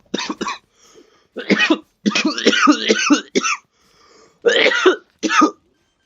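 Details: Several short, harsh cough bursts in clusters, about eight in six seconds. Cough.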